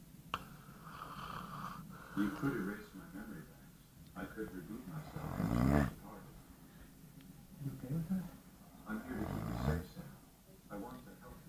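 Irregular rattling, fluttering snores over a noisy room background; snoring during sleep.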